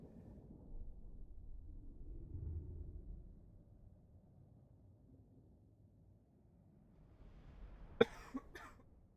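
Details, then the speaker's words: Cough from a streamer who says they are ill and may cough or sneeze: quiet room, then a sharp single cough followed by a smaller second burst near the end; cough. "Yeah, as I said, I am ill, so you will hear me coughing, maybe sneezing a few times. They don't sound too bad, don't worry."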